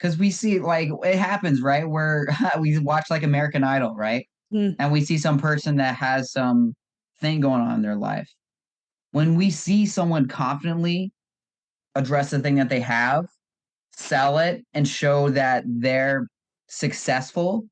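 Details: Adult male speaker; normal fluent speech.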